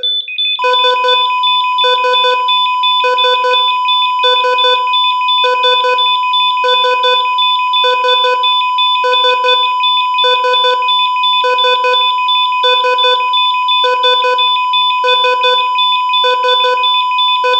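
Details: Copyright-free sound effect simulating an EKG heart monitor. Regular electronic beeps at about 50 a minute over a steady tone. Simulated ECG monitor beep.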